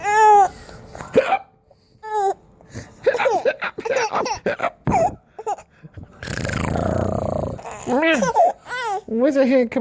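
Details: Laughing and babbling 9-month-old boy with short abrupt hiccup catches and a snorting sound between giggles; bad case of hiccups.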